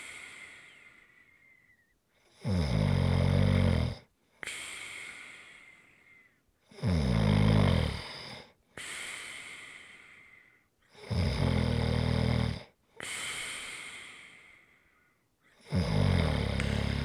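Loud rattling snores on each breath in, with hissing breaths out, about four cycles in 17 seconds; ordinary heavy snoring.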